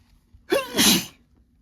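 One strong, wet, spraying sneeze with a short voiced start, a normal sneeze.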